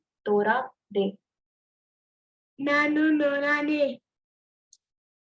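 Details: Child with cleft palate producing a single sentence; weak pressure consonants, placed correctly but lacking precision, from air leaking through the velopharyngeal valve, with hypernasality.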